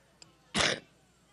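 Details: Single short, harsh adult cough with a faint click just before it, from a woman battling a stubborn cough during her Labor Day rally speech in Cleveland, Ohio.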